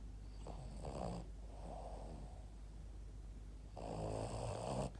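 Two snorting, rattling snores separated by a quieter breath out, in a quiet room; a small dog snoring.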